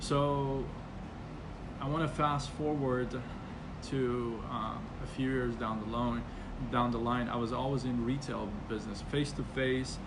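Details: Stuttering in an adult man who has stuttered since about age six and still stutters, though less after speech therapy.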